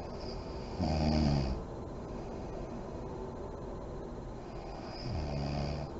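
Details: Adult woman (a mother) asleep with lights on, described as deep REM sleep: two low, buzzing inspiratory snores about four seconds apart over steady room hiss; snoring.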